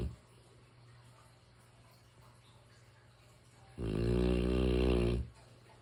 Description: I can’t sleep without my mastiff snores. It’s such a beautiful sound. I consider it to be white noise.